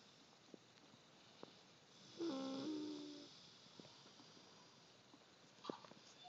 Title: Snoring